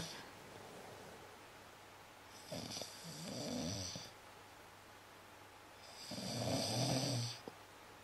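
Two rattling snores with hissy inhalations, about 18 a minute, over a steady room hum; ordinary snoring.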